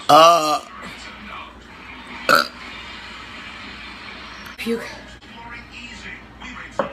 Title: Burping slo mo (Vlog #67)